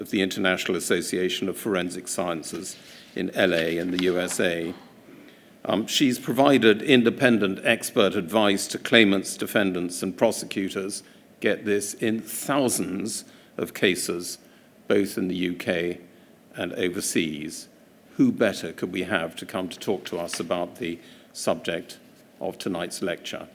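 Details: Adult male speaker; normal speech.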